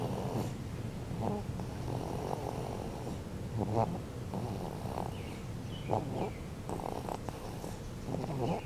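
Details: Snoring.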